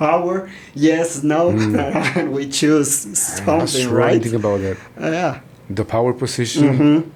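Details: Stuttering in an adult man born in Mexico and living in Texas who describes himself as a person who stutters.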